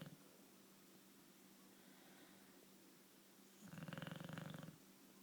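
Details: Sleeping bulldog: quiet room, then one rattling, fluttering breath noise about a second long; snoring.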